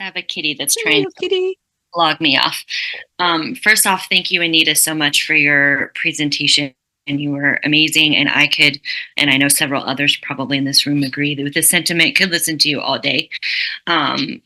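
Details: Adult speaker; typical speech.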